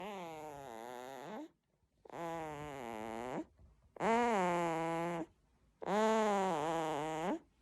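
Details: Newborn's unusual voiced snoring: four drawn-out, tonal, moaning noises with short pauses between, about 32 a minute.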